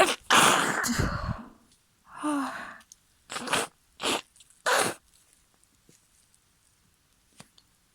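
A loud wet sneeze, then a voiced breath and three shorter, partly stifled sneezes in quick succession; a bout of sneezing.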